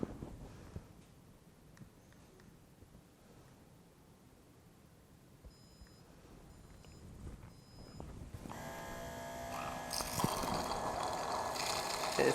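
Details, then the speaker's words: OtoSet automated ear-wax removal headset: three beeps, then rushing water irrigation with simultaneous micro-suction for 20 seconds, suction-only drying at the end. "Water rushing into your ear canal. Okay. And at the same time, there's going to be micro suction, meaning it's going to be pulling that water in the waste out of your ear canal into the headset."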